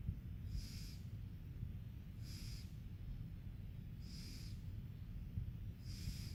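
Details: Snoring: regular snores with a hissing, whistling edge about every two seconds, roughly 30 breaths a minute, over a steady low background rumble.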